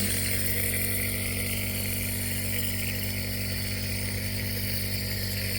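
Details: Toddler's first use of a compressor nebulizer for a terrible croup cough: steady, loud mechanical hum and buzz of the nebulizer motor running continuously.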